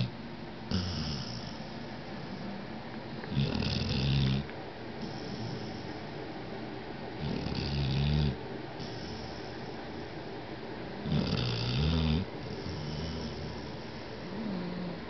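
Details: Pet named Poppy snoring in sleep: regular rumbling snores about every four seconds, roughly 15 a minute, over steady background hiss.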